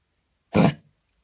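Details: Single short, harsh, throat-clearing cough from a dog that began coughing while running in the park the day before and has coughed on and off for about half an hour this morning; cough.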